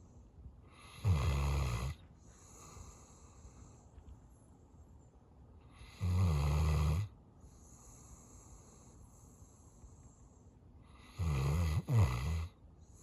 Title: Feeling Stressed? Here’s a sleeping dog snoring to cheer you up.